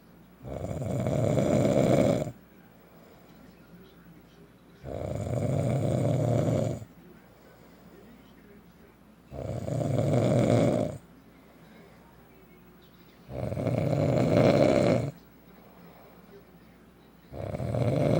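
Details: Loud, rough snores on each breath in, about 15 a minute, with quiet pauses between; adult man's heavy habitual snoring, loud every night, recorded by his wife beside him.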